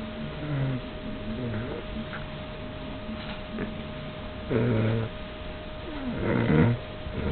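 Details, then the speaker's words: Father asleep and snoring, though he denies it: low, rumbling snores with irregular breaths over a steady background hum. "Hey everyone, guess what? This guy's snoring. No, he's denying it. But he was snoring."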